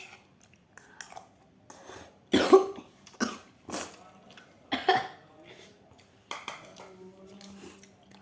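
An adult gives about five separate harsh coughs with some throat clearing between them, in a quiet room.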